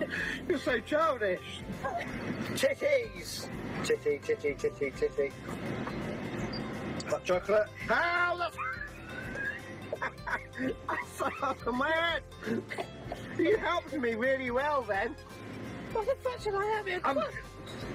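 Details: Vocal tics from Tourette syndrome in a person who also has ADHD, with sudden out-of-context words amid normal conversation while driving.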